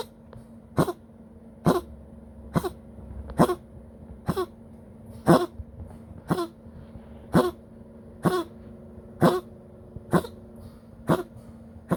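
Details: A poodle coughing after being given oxygen, following its sixth resuscitation: a run of sharp, repeated coughs, roughly one per second, over a low room hum.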